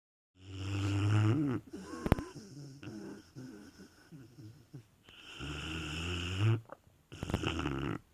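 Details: Puppy named Reese snoring in heavy sleep: loud, low rattling snores on each in-breath, with quieter snuffly breathing between.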